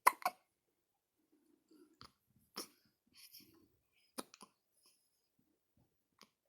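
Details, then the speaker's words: A 1-week-old baby, in a quiet room: soft sharp catches repeating irregularly; newborn hiccups. "Hiccups. 1 week old today."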